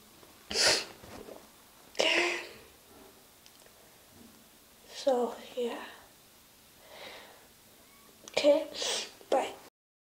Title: Wet sneezes, + nose blows